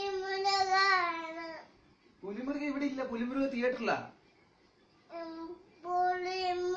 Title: Cute baby cry